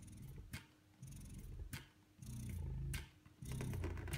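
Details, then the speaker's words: Spectra S2 electric breast pump at lowest settings, cycle speed level 38 and suction level 1: rhythmic low motor hum in repeating suction cycles with soft clicks between them, about fifty cycles a minute. "here is the pump at its lowest settings level 38 for cycle speed and level 1 for suction strength"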